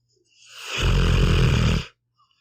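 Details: Sleeping pit bull snoring: a single low, rattling snore on one breath, in a quiet room.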